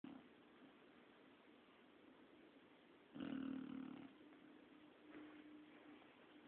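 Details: Sleeping 8-month-old English Bulldog napping: one loud, rattling snore, then a softer second one, over quiet room noise; snoring.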